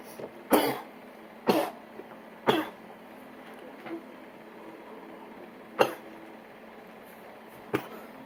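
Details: Coughing after inhaling a dab of concentrate: five sharp, dry coughs spread over about eight seconds in a quiet room.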